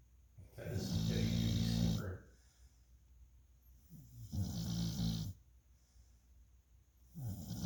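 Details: Deep, fluttering rattles on each breath, repeating every few seconds with quiet gaps between; snoring.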